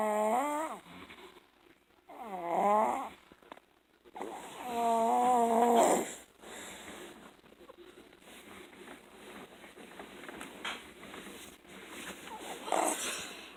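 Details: Sleeping 21-month-old girl, born premature and 3 weeks early, recently discharged after left-lung pneumonia and three viruses: loud, harsh, pitched snoring, with severe sleep apnea and enlarged tonsils.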